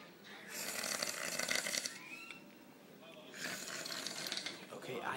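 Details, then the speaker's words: Sleeping man snoring very loudly and seeming to struggle for air, his tongue described as back in his throat: two long, harsh, fluttering breaths with a rough rattle amid room noise. "okay what you're hearing right now okay what you're hearing right now is moonan snoring like a [ __ ] loud"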